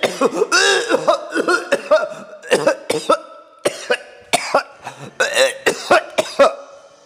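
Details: Acted, exaggerated coughing from a 2012 Ricola commercial: a rapid series of short voiced coughs and throaty bursts over about seven seconds; cough.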